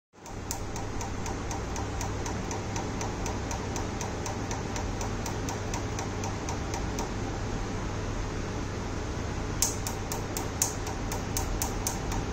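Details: Tattoo removal laser firing rapid sharp pulse ticks, about four a second, over a steady fan hum, during a clinic tattoo removal session.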